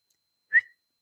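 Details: Whistle vocal tic, one of her stock tics, in a woman with Tourette syndrome whose tics wax and wane; not suppressing tics.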